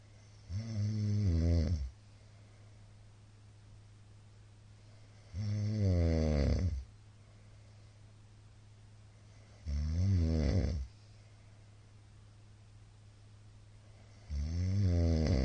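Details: Middle-aged man snoring while asleep, recorded 22 February 2022 on an especially loud night: loud, low rattling snores on each in-breath, about 13 a minute, with steady room hum between.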